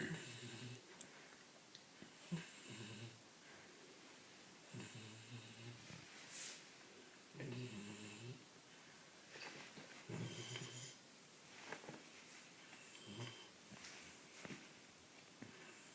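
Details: Labrador snoring during an afternoon nap: regular rumbling snores with a faint whistle, about one every 2.6 seconds, roughly 23 breaths a minute; snoring.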